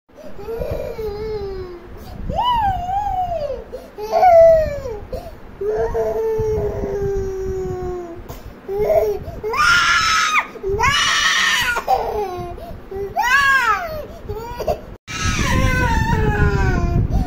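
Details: Baby crying for books, possibly from jealousy of a brother: rising and falling wails with sobbing breaths between, indoors with background voices; ordinary upset infant cry.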